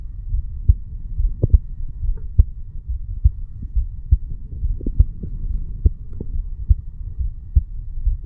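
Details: Normal heart sounds of a 35-year-old male sitting on stairs, recorded at the mitral (bicuspid) valve area: regular low thumps at about 70 beats a minute over a steady hum, no extra sounds.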